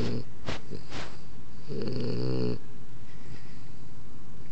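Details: Puppy snoring very loudly like a human while asleep: deep, rattling, low-pitched snores on the in-breath with quieter breathing between; snoring.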